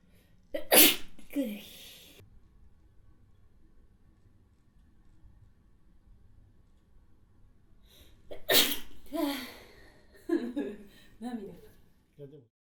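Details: An adult woman sneezes twice, each a sharp explosive burst with a brief voiced trail after; she mentions pollen season making her nose itch.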